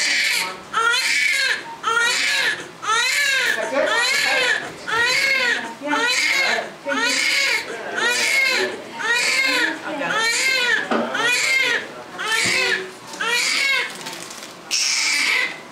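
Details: Loud, rhythmic newborn crying in repeated bursts, about one cry a second, from a baby boy just delivered by emergency C-section for breech at exactly 37 weeks; first child of a 21-year-old mother; a vigorous cry.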